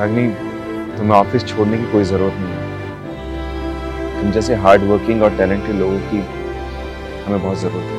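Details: Adult man, acted scene; normal fluent speech.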